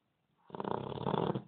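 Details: Two-month-old Labrador puppy snoring while napping: a single fluttering, rattling snore.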